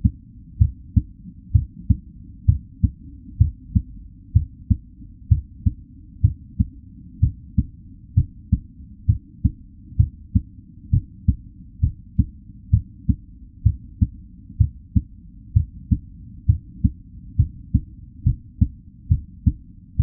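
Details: Real recorded heartbeat at a normal resting rate: steady low thumping at about 65 beats a minute.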